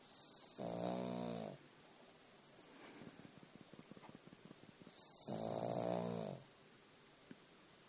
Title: Snoring pug!